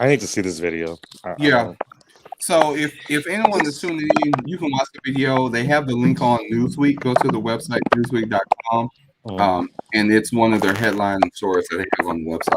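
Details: Adult man speaking; ordinary speech.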